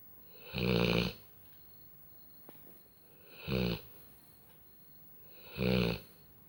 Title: My lab (nemo) snores like a human